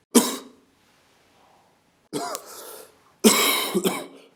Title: The cough (documentation)